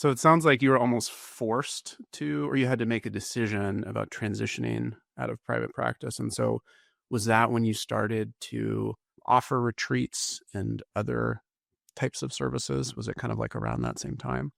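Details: Adult man; normal voice.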